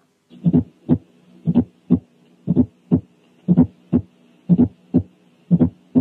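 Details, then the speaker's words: Fourth heart sound, a quiz case: an extra sound lower in pitch and usually softer than S1, unlike the higher-pitched clicky ejection click. "ثانيا الأولاني كان فورث ساوند والتاني كان إيجكشن كليك."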